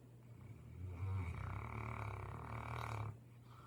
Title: She had a long day of lounging. #stbernard #snore #oregon #thegoodlife